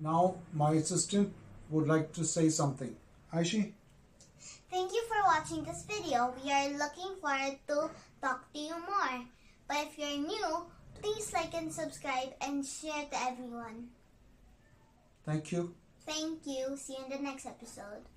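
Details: Adult introducing, then a young child speaking; typical speech.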